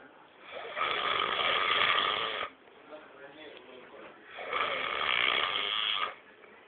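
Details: Two long, rough, rattling snores on inhaling, with quiet breathing between, from a sleeping man so deeply asleep that things placed on him don't wake him; ordinary loud snoring.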